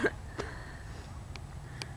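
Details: Brief, sharp little gulping clicks over a quiet room background: a woman's hiccups, with laughter around.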